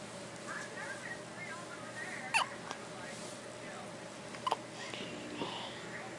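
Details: One-day-old newborn: two sudden, sharp gulping catches a couple of seconds apart over faint background voices, consistent with hiccups.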